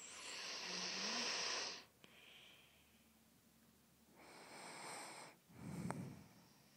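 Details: Two noisy breaths with rough, hissy airflow and a low snort, separated by quiet pauses; snoring during sleep.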